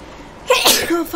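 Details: A single sharp, explosive sneeze after a brief quiet lead-in; sneezing.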